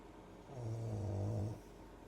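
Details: Sleeping dog snoring while relaxed: a single deep, rumbling snore rising and fading over about a second.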